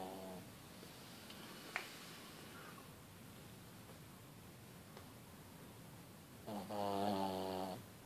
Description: Finally get to capture my dog snoring on 14/2/15